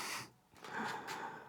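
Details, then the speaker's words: Oscar, a dog napping on his bed in a woodworking shop, gives short, rough, snorting breath noises, a light snore in a quiet room. "If you hear that snoring, that's Oscar. He's taking a nap. He likes to snore."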